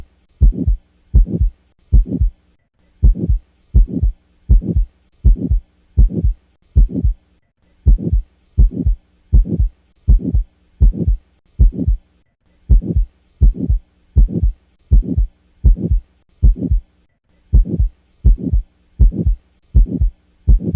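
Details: Heart sound recording of aortic or pulmonic stenosis: regular heartbeat near 75 a minute with a harsh rushing sound after each first beat; systolic ejection murmur.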